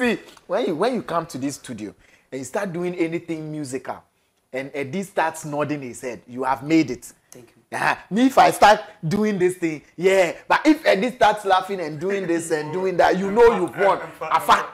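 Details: Adult speaker; ordinary speech.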